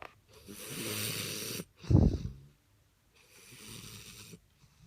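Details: English bulldog puppy snoring very loudly in sleep: rough snoring with a harsh snort in the middle and a softer rattling breath after it.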